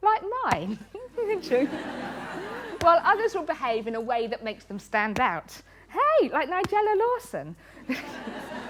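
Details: Woman with Tourette syndrome, a neurological condition causing uncontrollable movements and noises, with very frequent involuntary word tics (one word up to 16,000 times a day); vocal tics (Tourette syndrome).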